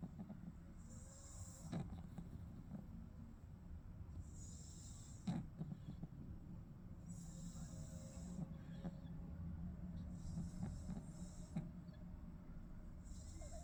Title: My Baby Pug Falls Asleep So Peacefully And Then Starts SNORING ❤️🎀